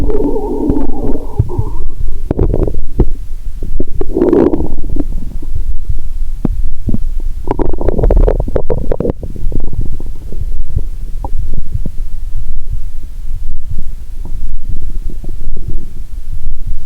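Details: Adult lying down after drinking 1.5 L cola with Mentos, stethoscope on the abdomen, heartbeat also audible: irregular low gurgles, bubbling rumbles, longer gurgling bursts over steady low rumble; active bowel sounds.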